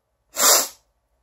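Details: Man's self-induced sneeze: a single short explosive burst of air with a hissing, spray-like quality, then silence.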